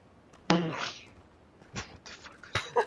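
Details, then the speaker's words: Sudden explosive sneeze with a brief voiced onset and hissing airy tail, then two shorter bursts, picked up by a microphone. "Oh, that was me sneezing and I thought I had my mic muted, but yeah, nothing fucked."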